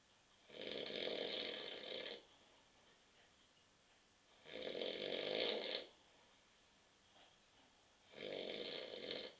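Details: Adult man asleep on a sofa on a Saturday night after drinking too many beers, recorded at 9.30 p.m.: three loud, rough inspiratory snores about 20 a minute with quiet pauses between; snoring.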